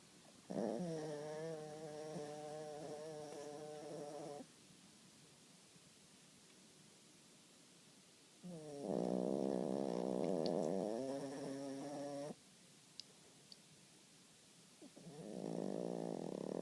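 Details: Small Snorkie dog snoring loudly: three long, loud, rattling, buzzy breath sounds with quiet pauses between them.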